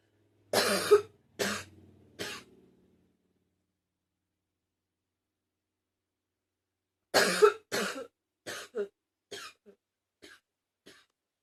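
Two bouts of harsh coughing in a quiet room, three coughs and then about eight coughs fading in strength.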